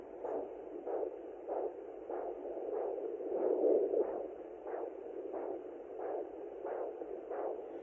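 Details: Home Sonoline handheld Doppler at 16+2 weeks of pregnancy, probe placed low above the pubic bone: rhythmic whooshing pulses over static, the blowing sound of umbilical cord blood flow, shown as distinct from the baby's pulse.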